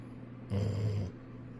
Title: Dog falls asleep leaning against owner, snoring too loud!!! #goldenretreiver #dog #dogsnoring